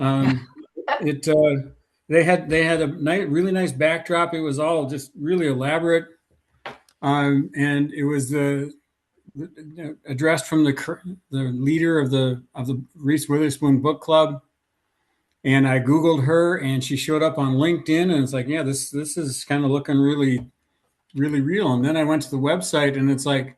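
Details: Adult speaker; normal conversational speech.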